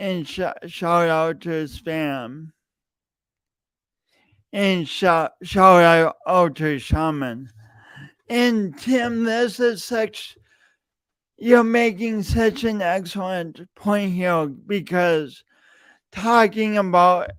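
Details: Adult male podcast host with a long-standing speech impediment he denied for years, present every time he speaks; repeated words throughout; stuttering (speech disfluency).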